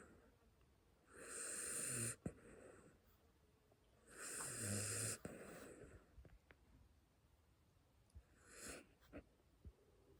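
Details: Puppy sleeping noises: soft, raspy, snorting breaths with small snuffles between them; ordinary puppy snoring.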